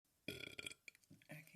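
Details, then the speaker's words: A loud, rough, gurgling burp followed by a few smaller ones from a woman burping badly. "Right when I say I can't go live, I burped real badly."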